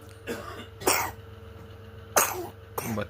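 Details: 3-month-old baby with a cold and blocked nose, taken to hospital at night and due for steam treatment, coughing; rattly breathing mentioned.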